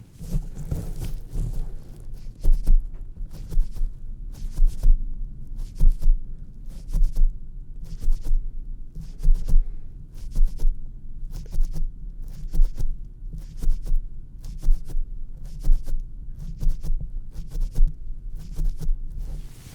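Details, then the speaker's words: Simulated ASMR doctor roleplay, stethoscope placed on the chest before an ear exam for tinnitus: soft low regular thumps at roughly 55 a minute; slow heartbeat. "So, I would like to actually just take a quick listen to your heart before I do continue."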